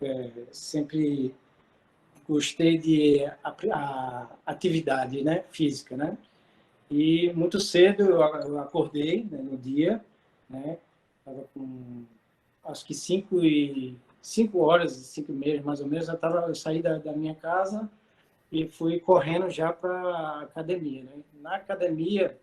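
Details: 40-year-old man with aphasia for two and a half years after a stroke; he was totally mute at first and still has difficulty finding some words, writing, reading and numbers.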